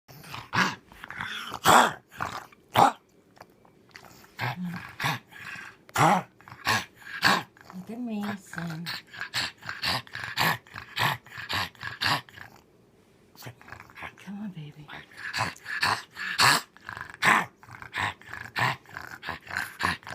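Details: A small dog coughs repeatedly in harsh, snorting bursts with brief pauses and some throaty growly sounds.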